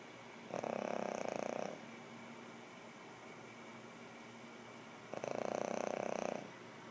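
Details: Soft snoring during sleep while dreaming: two slow, rattling, buzzy breaths about five seconds apart over a quiet hiss.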